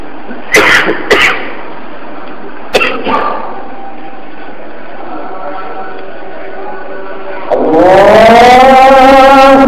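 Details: A muezzin gives several short, sharp coughs and clears his throat during the call to prayer (adhan), then resumes sustained sung chanting.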